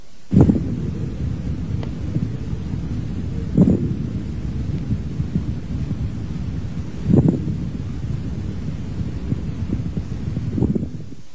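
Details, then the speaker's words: Lung auscultation teaching example: low, rumbling sounds with loud popping bursts recurring about every three and a half seconds; coarse crackles are louder and lower pitched: coarse crackles. "fine crackles are so soft high pitched and very brief coar crackles are louder lower pitched and"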